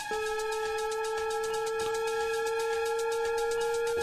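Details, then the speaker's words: Defibtech Lifeline AED in a demonstration: after analyzing heart rhythm and advising a shock, a continuous steady charging tone with fast repeating chirps signals it is ready to shock. "analyzing heart rhythm do not touch the patient [Music] shock advised charging stand clear"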